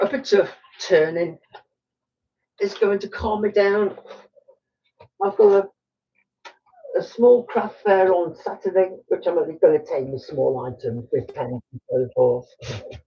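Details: Adult male woodturner with Tourette syndrome, frequent snorting and throat-clearing vocal tics during speech; he says his tics are quite bad today.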